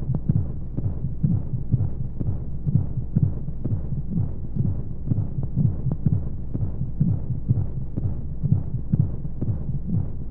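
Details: Womb-sound sleep aid for babies: rapid steady low thumping heartbeat, about 125 a minute, over a constant hum of flowing noise, womb-style, with white noise; heartbeat.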